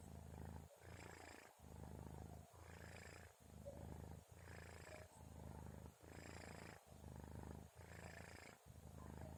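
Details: Kitten snoring while sleeping at about 2:30 a.m.: soft, rhythmic rasping breaths, about 34 a minute; gentle, normal snoring.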